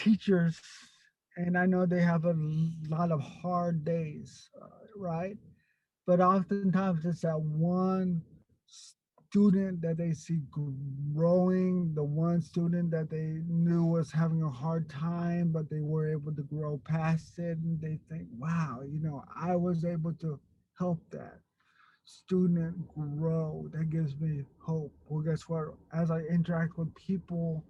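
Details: Stuttering in an adult man who grew up with a severe overt stutter and still gets stuck on a word here and there.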